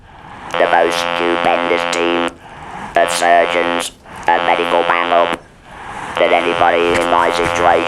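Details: Electrolarynx speech after total laryngectomy, followed by radiotherapy, for laryngeal squamous cell carcinoma in a real adult male patient; the buzzing voice is consistent with an artificial larynx (electrolarynx).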